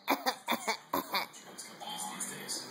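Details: 7-month-old baby deliberately faking a cough: a quick run of small playful coughs, not illness; voluntary fake cough.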